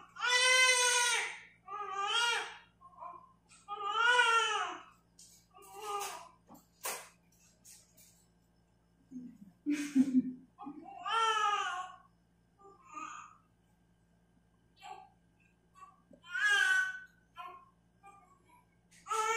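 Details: Vigorous newborn cry of a baby boy weighing 3.2 kg, just born at 11:37: repeated strong high-pitched wailing bursts with short gasps, low room hum underneath.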